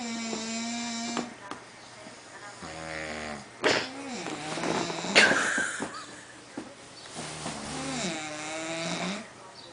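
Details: Two people snoring at 5:37 AM, filmed while asleep: rough, buzzing snores mixed with snorts and faint background talk; snoring.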